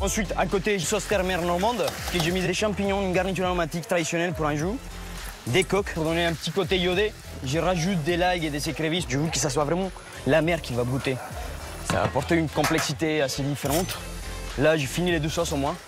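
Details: Adult male speaker; normal speech.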